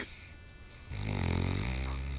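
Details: Loud snoring from a sleeping Egyptian man, with clapping from onlookers.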